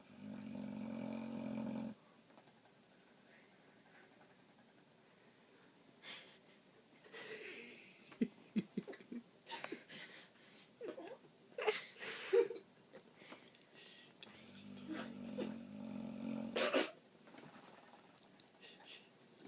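Humanlike snoring from a dog: drawn-out rattling breaths with snuffles and wheezy whistles in between.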